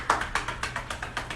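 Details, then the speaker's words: Home demonstration of chest physiotherapy: rhythmic hand percussion on the chest to break up and mobilize mucus and drain the lungs. "all right again that is pretty much called chest physiotherapy basically it breaks up mucus in your lungs it mobilizes and drains the lungs"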